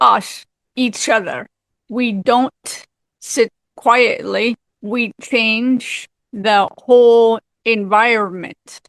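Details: Aphasia in a woman 18 years after a severe stroke at age 44, with apraxia also reported.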